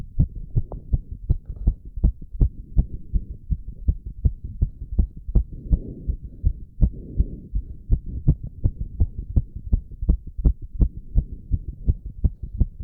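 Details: Adult male doing squats: very fast, regular, strong heartbeat at about 165 to 170 beats a minute, with heavy breathing; exercise-induced fast heartbeat.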